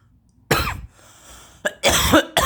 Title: I hotbox my garage and cough like a little bitch